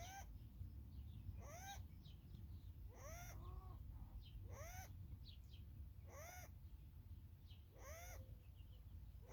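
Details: Wild adult-sized rabbit with high, whistling squeaks at regular intervals all day, suggesting noisy wheezy breathing; another full-grown rabbit found dead; owner suspects respiratory disease: wheezing and squeaking breathing.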